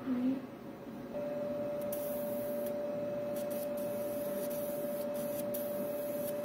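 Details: Monopolar electrosurgical unit (Bovie) handpiece demonstrated in the operating room, return pad attached, cutting a wet gauze: a steady high electronic tone holds without a break while the unit fires in cutting mode.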